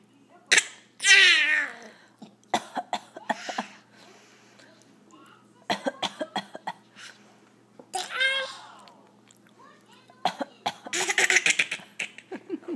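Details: A cat, asked to cough, gives short, harsh, cough-like bursts in clusters, mixed with a few rising meows.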